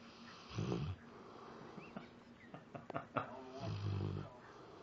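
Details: Sleeping Labrador Retriever, apparently dreaming with twitching and eye movements; low snoring breaths with small clicks and soft sounds between them: snoring.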